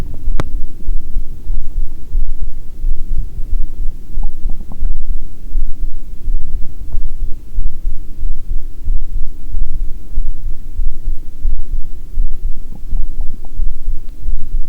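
Steady low heart thumps around 90 a minute, mixed with gurgling stomach rumbles and a constant hum.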